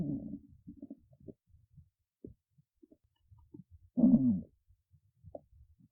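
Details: Quiet gurgles and low bubbling rumbles with one longer, louder gurgling growl; ordinary stomach growling (borborygmi).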